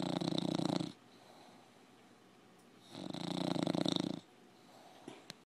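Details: Bulldog snoring: two loud, fluttering, vibrating snores a few seconds apart, with quiet pauses between.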